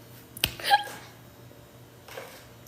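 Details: A young woman on a livestream, drinking a carbonated drink, burping repeatedly and reporting heartburn: a single sharp hiccup-like catch, then a short voiced gulp and a soft breath. Isolated hiccup.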